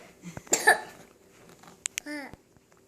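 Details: A young child gives a brief burst of coughing, followed by short sharp sounds and a tonal vocal noise; cough.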